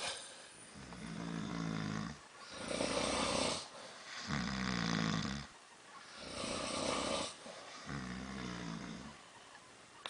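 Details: Two men snoring in a cabin: loud, rough, rattling snores on each breath in, with breathy breaths out, about 4 snores in 10 seconds.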